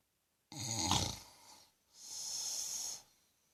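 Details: Father snoring during sleep: a rough, rattling snore on the breath in, then a long hissing breath out; ordinary snoring.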